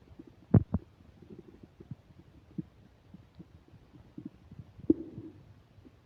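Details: While eating a burger and fish fries with self-described upset digestion, close new microphone picks up low gurgling and popping stomach rumbles with a few louder bursts and one drawn-out gurgle; active bowel sounds (borborygmi).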